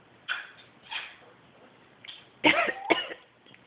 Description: Houdini the African Grey coughing and clearing his throat.